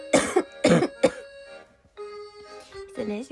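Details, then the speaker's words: Girl coughing repeatedly and saying her cough won't stop: three short, sharp coughs in a row, then quiet, with soft background music. "こんばんは。本当に咳止まんない。ごめんなさい。ごめんなさい。"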